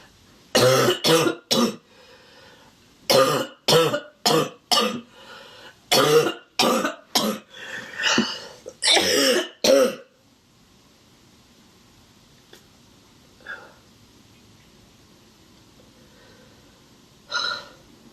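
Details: Young woman, congested, with sniffles and a cough for a few days that she links to windy, dusty air; about a dozen harsh, loud barking coughs in clustered runs, then one late cough; she is left breathless and sweating.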